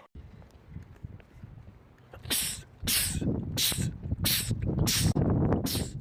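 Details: Male sneezing compilation clip: a rapid run of about six sharp, explosive sneezes in quick succession over a low background rumble, a sneezing fit.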